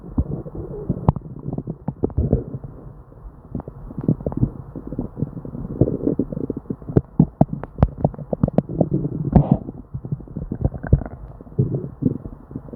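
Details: Person with diarrhea: near-continuous gurgling, bubbling and popping with frequent sharp clicks; hyperactive bowel sounds (borborygmi), loud rumbling of an upset stomach.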